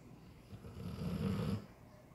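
A single low, rattling snore as a sleeping large dog breathes in.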